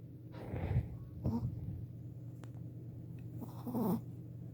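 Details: A 4-month-old Shih Tzu puppy snoring while asleep: soft snorting breaths about every one to two seconds over a low room hum.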